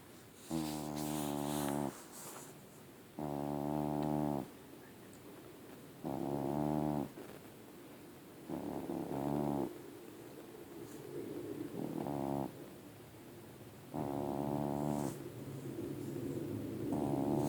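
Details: Large fluffy male cat snoring in sleep, which he does habitually: loud, droning, buzzy snores at about 23 a minute, each lasting about a second.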